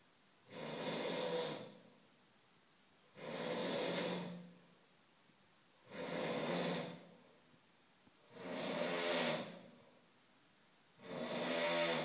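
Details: Person snoring: five loud, regular, rough rattling snores, about 23 a minute, with quiet pauses between; ordinary snoring.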